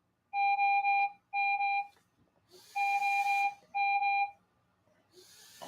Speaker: okay sorry about that my heart rate machine was beeping so mental endurance is a very important thing